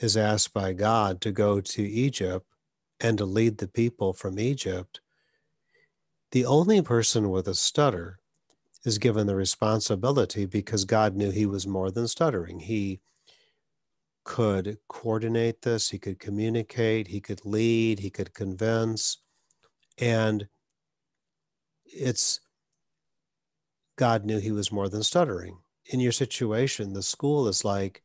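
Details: Adult male speaker; no speech disorder.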